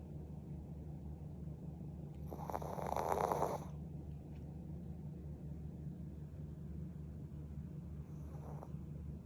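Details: Mugi, a Shih Tzu dog, snoring for the first time the owner has heard: one loud snorting snore, then a faint second one over a steady low hum.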